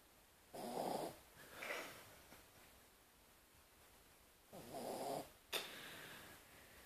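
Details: Snoring during sleep: soft, rough snorting breaths roughly every four seconds in a quiet room.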